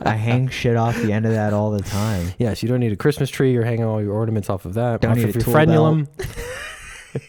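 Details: Adult male speaker; normal speech.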